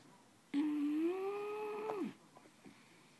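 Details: A bulldog asleep on the owner's lap gives one long, tonal, whistling snore that rises slightly in pitch and then drops off, in a quiet room.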